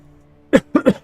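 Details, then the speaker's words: An adult streamer clears the throat and coughs in three short throaty bursts over a faint steady background hum: throat clearing. "you can hear me coughing and clearing my throat a bunch so I hope you like that"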